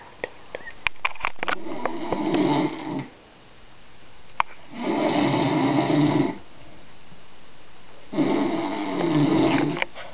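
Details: Loud rough snores on each breath in, about three over ten seconds, with quiet gaps and faint clicks in the room; person sleeping, secretly recorded at a cottage.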